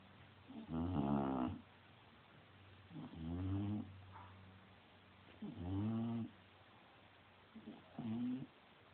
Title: Haha my bulldog snoring